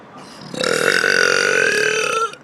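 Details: Girls' burping session: a deliberate attempt at the loudest, longest burp gives one sustained, loud, voiced belch of nearly two seconds with a steady rough tone.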